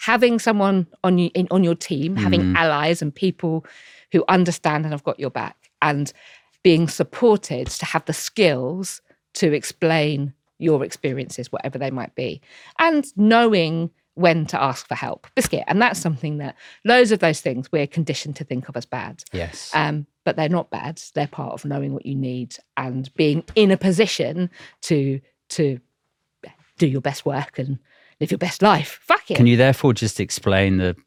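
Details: Tourette syndrome in an adult woman diagnosed in her early to mid 20s and a wheelchair user, with frequent involuntary vocal tics of repeated words, including coprolalia.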